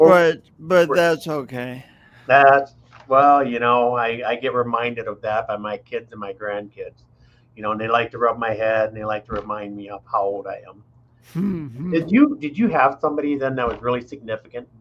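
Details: Adult men in conversation; normal speech.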